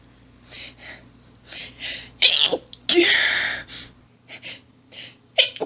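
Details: Female, stifled sneezing with heavy build-up and hitching: rapid run of stifled, hissing sneezes with breathy hitching build-ups between, feeling barely able to get air; stifled sneezing fit.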